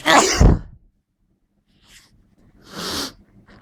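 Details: Someone who thinks they caught a terrible cold, at the end of an intense sneezing fit too strong to stifle: one forceful sneeze, a pause and short breath, then a softer drawn-out sneeze.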